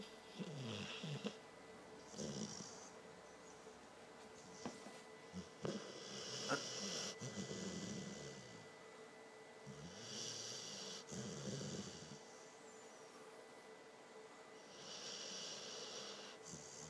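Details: Dog snoring too loud: repeated rough, rattling breathing noises over about four breath cycles, with a steady electrical hum in the background.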